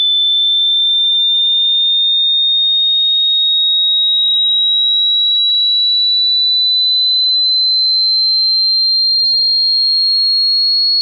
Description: Hearing Test in HD quality. Sinusoidal wave starting at 20 Hz frequency and going up to 20 kHz frequency.